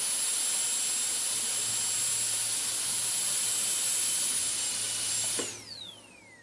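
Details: Steady high-pitched whine of a dental drill running, then spinning down as it switches off; an ASMR dentist-drill on-and-off sound recording.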